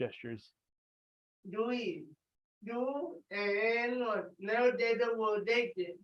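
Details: Dysarthria in an adult with cerebral palsy, speaking loudly during an exercise session.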